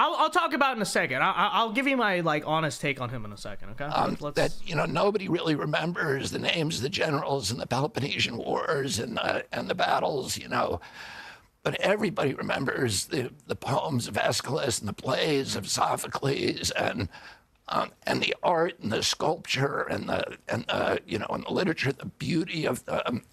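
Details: Adult man with spasmodic dystonia that began at age 42 in 1996, caused by an injury (neurological disorder); his voice was very strong before onset. Finding: spasmodic dysphonia.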